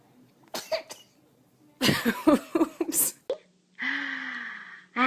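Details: Newborn baby sneezing: a few short, sharp bursts like small infant sneezes, followed by a brief whimpering cry in a quiet room; sneeze.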